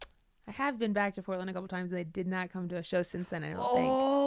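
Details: Adult woman speaking; normal speech.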